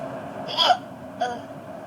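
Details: Two short, abrupt voiced hiccups about half a second apart over steady background hum, from an intoxicated woman with persistent painful hiccups who has already tried holding her breath: hiccups.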